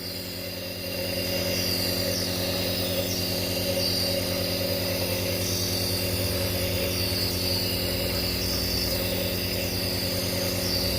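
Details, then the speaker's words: Nebulizer compressor running continuously with mask on a child with allergic asthma getting Ventolin 2.5 ml for cough and breathlessness; steady mechanical hum and buzz with faint hissing. "Kita nyalain alatnya ya teman-teman. Wah, udah mulai keluar asapnya nih."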